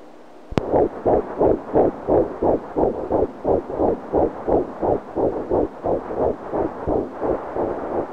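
Steady, rapid whooshing beats at about 176 per minute. A fetal heartbeat on Doppler at a normal rate for early pregnancy.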